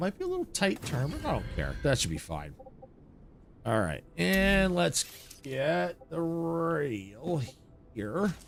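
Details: Stuttering in an adult man whose childhood stutter went away and is returning as he ages, with minor stressors as triggers; here he stutters on a word.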